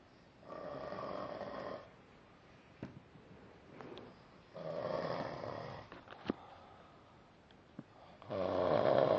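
Three rough, vibrating snores on the breath, about every four seconds, with quiet pauses and small clicks between; ordinary snoring.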